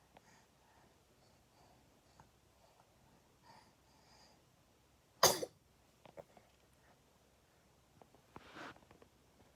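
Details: A small child's single sharp, explosive sneeze in a quiet room, followed by soft fussing sounds.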